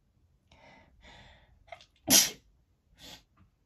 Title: Feathers make me sneeze!